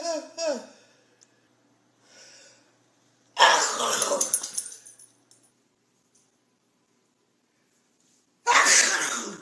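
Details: Grandmother at home in America; unknown whether she has allergies. Loud, explosive bursts of air after brief vocal sounds and a wind-up, repeated sneezes in a fit: sneezing.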